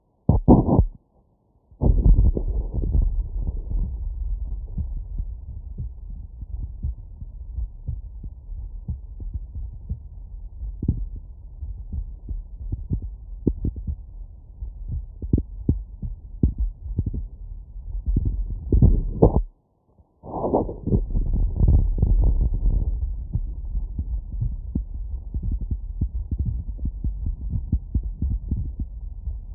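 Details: Heart auscultated with a CS-417 stethoscope/phonendoscope and an electronic stethoscope: low, muffled heartbeat thumps with handling rustle and brief gaps between placements; normal heart sounds.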